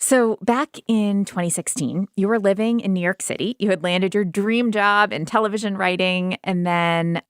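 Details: Adult woman speaking; normal speech.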